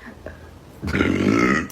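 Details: Girl burping: quiet room sound, then one loud, drawn-out voiced belch near the end.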